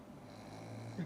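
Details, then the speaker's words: Black pug, awake with eyes wide open, snoring from a flat-nosed brachycephalic airway. "やっぱりいびきだよね、ゆずちゃんの。お目目ばっちり開けてさ、いびきかいてんのね。お花ぺっちゃんこだからしょうがないよね。"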